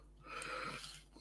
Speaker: If you can hear something grumbling, it's my dog. He's snoring underneath the table. Oh, bless. So he keeps having a bit of a snore.